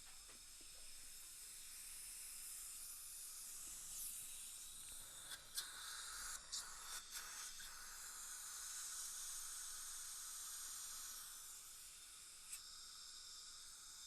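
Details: Continuous soft hiss with occasional slurping clicks: dental suction during an attempt to retrieve a broken Keystone Prima implant screw fragment with hand instruments.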